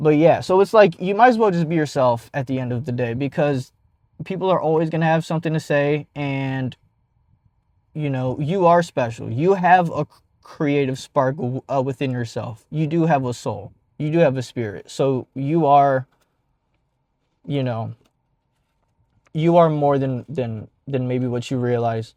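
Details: 52-year-old man, jazz player and rap singer from California, introduced as a famous stutterer, describes himself as a person who stutters; stuttering.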